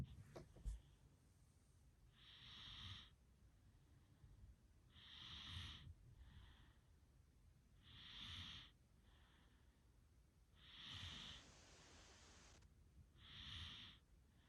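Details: Snoring: steady rhythmic breathing with a hissing, whistling rasp on each breath, about 22 a minute, over room noise.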